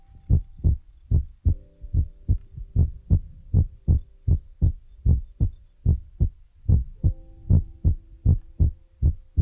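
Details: ASMR ear-massage recording with feather rod and brush sounds; steady low thumping about 76 beats a minute with faint background tones: heartbeat.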